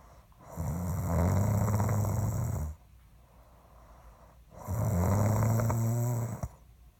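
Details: Two long, loud, rattling snores on the in-breath with quiet pauses between: snoring.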